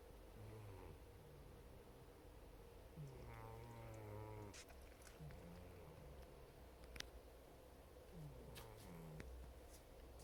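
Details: Sleeping dog snoring: soft, low snores on each breath with a brief purring rattle and faint clicks in the room; the dog is then woken and stays very sleepy with drooping eyelids.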